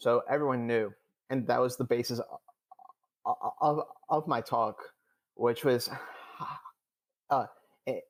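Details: Adult male who stutters, who says he stuttered the most in years and was far from fluent during his TED talk; stuttering.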